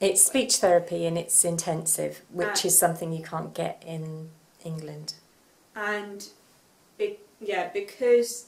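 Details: Adult woman speaking; normal speech.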